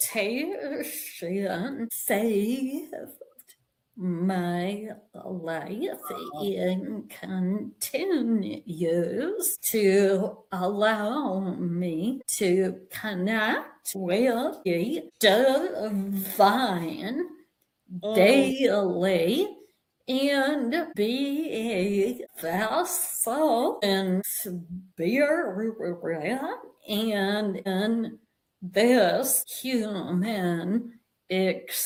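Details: Vocal tremor in an adult woman, attributed to decades of emotional abuse that eventually manifested as a physical tremor; vocal tremor.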